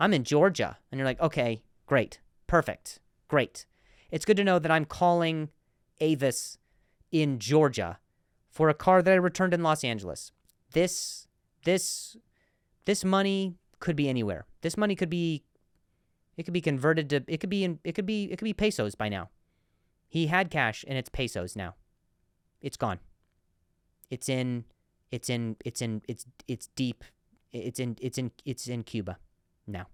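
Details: Male comedian hosting a podcast about his stutter; repeated phrases; stuttering.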